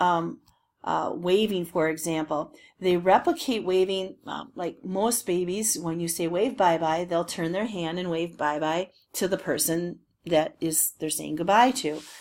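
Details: Adult woman speaking; normal speech.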